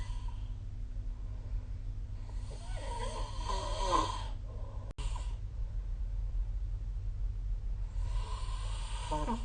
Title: 🐽 Snoring Sleep Sound / いびきの音